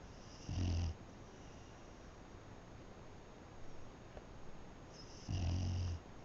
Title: My dog snores